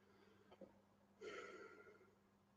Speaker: did you hear that my tummy just yelled